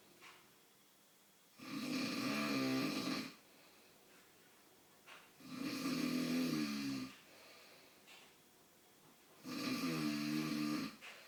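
Loud rattling snores on each in-breath, about three in eleven seconds, with quiet out-breaths between; steady snoring.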